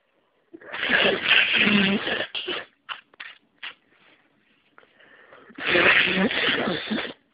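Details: Person with a cold during a sneezing fit: two long, loud, very congested sneezes with short sniffs and gasps between them; sneezing.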